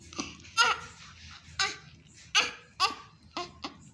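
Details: Chubby newborn baby boy just after home birth: short, sharp bursts of high-pitched crying, about six cries in four seconds, with quiet breaths between; newborn cry.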